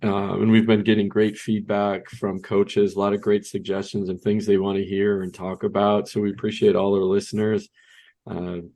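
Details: Adult man speaking; Normal speech.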